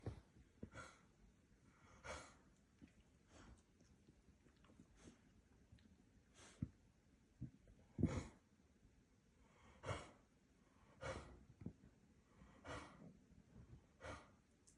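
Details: 14-year-old yellow Labrador retriever Mulan makes about ten short, forceful huffing bursts, weak attempts at coughing; attempted cough.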